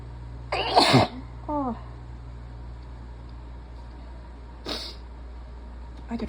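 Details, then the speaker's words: Two loud, explosive sneezes with a short vocal sound between them and the start of another: a person sneezing while sick, congested and run down, covering the sneezes tightly. "whoa I'm gonna sneeze again that's what I've been waiting for"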